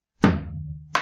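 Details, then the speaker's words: Drum-struck imitation, not a real patient, of an intensified first heart sound (R1), played as louder than the normal beat to show a loud first heart sound. "Si yo tengo una, digamos que variación en la intensidad del ruido, pues lo escucharía más fuerte o más débil. Por ejemplo, si esto es lo normal, si el ruido está intensificado, sonaría así."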